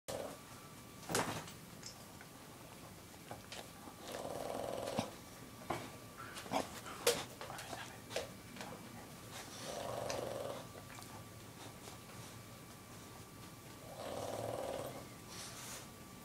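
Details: A female dog snoring in sleep: slow, regular, low rumbling breaths about every five seconds, with soft snuffling between, in a quiet room.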